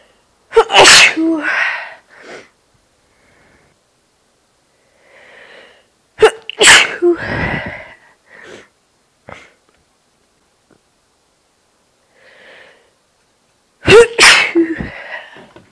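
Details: Three forceful sneezes, each a sharp burst of air after a brief indrawn breath, several seconds apart; ordinary sneezing.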